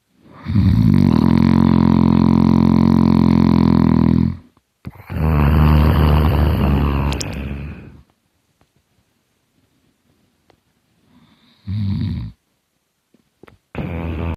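Loud, long, rattling low inhaled snores with pauses between them; heavy snoring.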